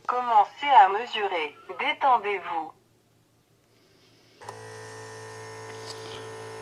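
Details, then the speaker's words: Talking wrist-rest blood pressure monitor (moonO) pressed on its on/off button: a short burst of voice, a pause, then a steady motor hum as the cuff pump starts inflating on the arm. "pour déclencher le tensiomètre pour que ça puisse gonflé sur votre bras vous appuyez donc un petit coup sur le bouton marche arrêt"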